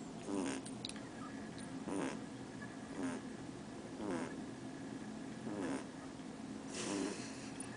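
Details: Winston, a dog sleeping on his back on the owner's tummy, snoring: regular soft snores about once a second, then more spaced, over faint background hum; owner says he twitches and has nightmares while asleep.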